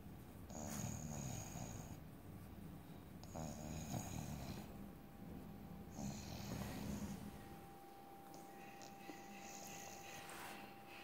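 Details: Dog named Wesley snoring while falling asleep: soft, repeated low fluttering breaths with faint whistling in a quiet room.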